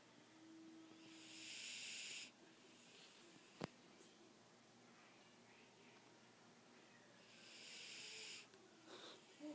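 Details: Sleeping Doberman: two long, hissing, whistling breaths about six seconds apart with quiet between, in a quiet room; snoring.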